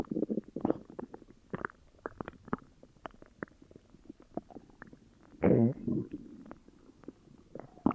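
Irregular gurgling and squeaky growls with one longer rumble; loud stomach growling from an upset stomach.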